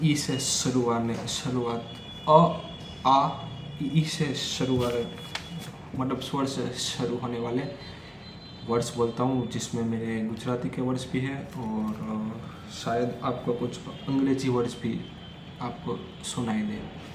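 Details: Stuttering in an adult male who stammers, during Day 4 of his daily speech practice, speaking Hindi; he says he stuttered more during this section.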